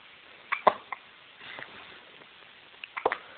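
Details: Three-day-old newborn baby with hiccups late at night: a few sharp, short gulping bursts with pauses in a quiet room; hiccups.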